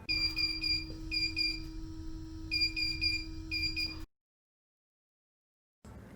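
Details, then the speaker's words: Repeating groups of high-pitched electronic beeps over a steady hum: Bio-Med Devices TV-100 transport ventilator sounding its audible alarm when a parameter is out of limit, silenceable for 120 seconds. "when an alarm condition occurs the tv 100 will blink the alarm parameter that is out of limit on the alarms page the physical alarm button will blink and the tv 100 will sound an audible alarm"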